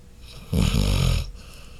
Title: Chloe Dog Snore